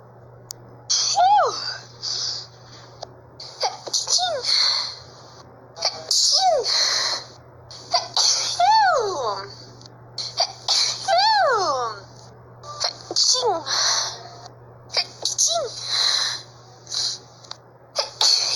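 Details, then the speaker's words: About eight sneezes in a row from a person in Brazil who says it had been a long time since they last sneezed; each sneeze is led by a rising voiced gasp, over a steady low background hum. "Nossa, fazia tempo que eu não espirrava. Nossa, fazia muito tempo que eu não espirrava."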